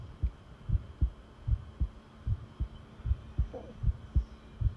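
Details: Long self-recorded heartbeat taken while listening: steady low thumping at about 77 beats a minute, regular rhythm, faint steady hum behind it; normal heart sounds.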